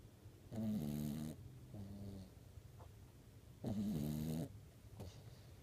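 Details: Sleeping dog snoring: two long, low, moaning snores with quieter rattly breaths between them.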